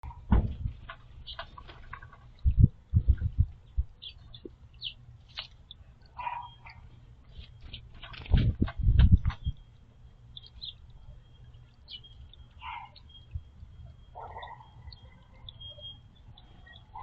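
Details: Squirrel coughing while drinking water, possibly after something went down the wrong way or after inhaling a floating sunflower seed: short, muffled low bursts in a few clusters, with bird chirps around.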